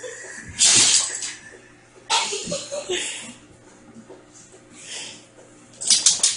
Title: dog has sneeze attack! lol